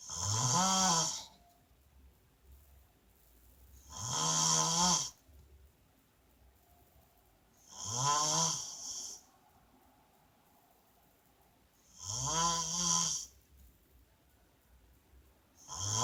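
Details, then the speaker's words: Adult woman (wife) snoring while asleep: regular loud snores about every four seconds, roughly 15 a minute, with quiet pauses between; snoring. "Alright, y'all. Part two. She's snoring again. Let's see."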